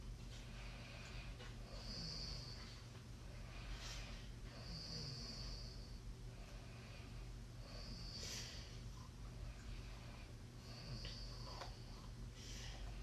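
Repeated soft snorting snores with hissing breath sounds over steady background hum, about every three seconds.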